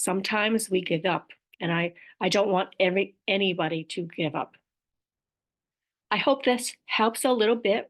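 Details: Aphasia with apraxia of speech, described as a motor planning disorder, in an adult woman.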